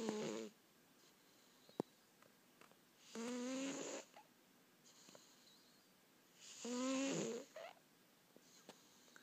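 Slow, regular, whistling-buzzing snores about every three seconds, around 18 breaths a minute, with quiet pauses between: snoring.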